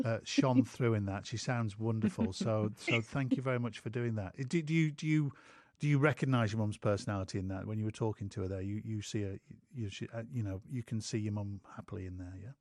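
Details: Adult male speaker; typical speech.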